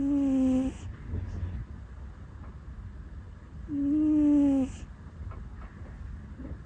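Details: Sleeping cat that habitually makes puffing noises while asleep: two soft, whistly squeaks a few seconds apart with faint rustling between; ordinary sleep snoring.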